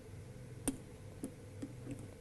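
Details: Periodontal hand instrumentation demonstration: four faint, sharp scraping clicks over two seconds as a hand instrument works tooth surfaces, terminal shank kept parallel into interproximal areas.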